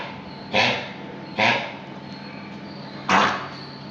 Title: kennel cough in dog with no vomit